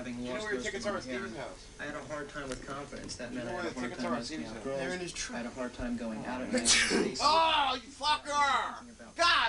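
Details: A person's sneeze during ongoing talk in a small room: one loud, explosive sneeze followed by voiced sounds.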